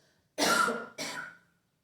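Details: Cough.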